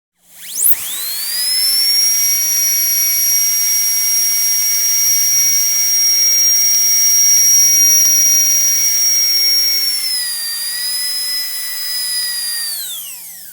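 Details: High-pitched steady whine that spins up, holds, dips slightly and winds down; dental drill sound-effect recording.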